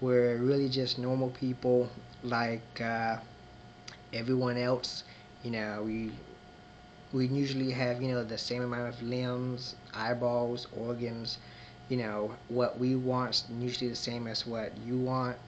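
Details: Adult man who identifies as a person who stutters and may show moments of disfluency, with word repetitions; stuttering.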